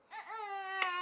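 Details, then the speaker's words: Month-old baby boy's hunger cry before a feed: a single rising, then steady, high-pitched wail with a faint click near its end. "You hungry again? See, he hungry right now. So Yeah, you got anything else to say? Oh my gosh. We about to feed him because he about to start hollering."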